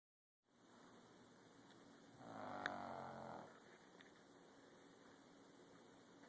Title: Sunny the dog snoring